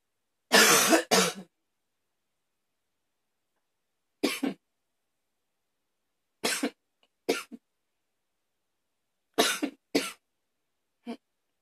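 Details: Repeated harsh coughs in short clusters of one to two, about nine over twelve seconds with silent pauses; an afternoon coughing fit.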